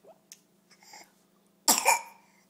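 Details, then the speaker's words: A young child with new teeth, having juice and a snack, has a terrible cough: a few soft throat sounds, then one sharp, harsh cough; the adult asks if he choked. "goodness, he got terrible cough. Ooh, wow. Goodness gracious. Ooh. Oh, my. Oh. Terrible cough."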